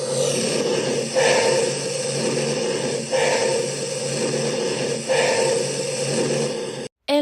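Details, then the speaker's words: Lung auscultation demonstration of normal vesicular breath sounds, heard over most of the lungs. Soft, low-intensity, wind-like sounds repeat about every two seconds, with inspiration longer and more intense than expiration. "El murmullo vesicular es el sonido respiratorio normal que se escucha en la mayor parte de los pulmones. Se caracteriza por ser suave y de baja intensidad, similar al sonido de un viento ligero."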